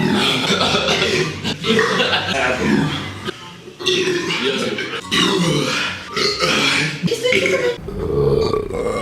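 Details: Burping: long, loud, rumbling voiced belches back to back with brief pauses, faint music behind; repeated burping.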